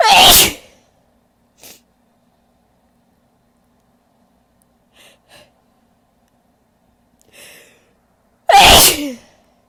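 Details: A woman's big, powerful sneezes: two loud, forceful sneezes with sharp explosive bursts, separated by quiet breaths; ordinary sneezing.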